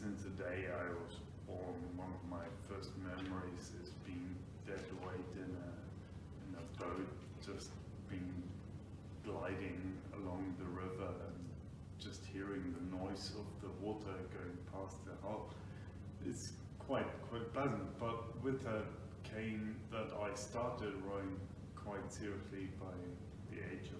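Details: Adult man with Friedreich's ataxia, a degenerative brain disease diagnosed about five years earlier; ataxic dysarthria.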